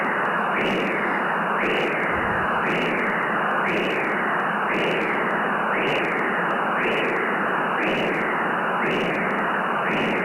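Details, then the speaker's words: Transcranial Doppler of basilar artery stenosis: a harsh, rough pulsing whoosh at about 58 per minute, likened to a bruit, from turbulent flow through the narrowed artery. "this left aca basilar so can increase the volume that's it yeah you're hearing the brewery there just like how you hear the brewery with your"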